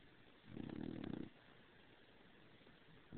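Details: Bulldog overheated from sleeping under the covers: a single low, buzzing snore lasting under a second, followed by quiet breathing; snoring.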